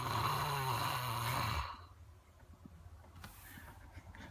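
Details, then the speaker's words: Adult man snoring at night around 12:30 at a caravan park, recorded while he sleeps. He denies snoring. A loud, rough, rattling snore on the in-breath, then a quiet stretch with faint room noise. "what I mean and he's still reckons he doesn't snore thanks for keeping me awake the last few nights"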